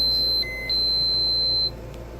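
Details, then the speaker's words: Home health nurse's patient, drooly and on oxygen at 7:50 in the morning: a sustained high-pitched electronic feeding pump alarm tone, briefly changing pitch, signalling no food left; feeding pump empty alarm. "hey you're beeping no food it's pretty"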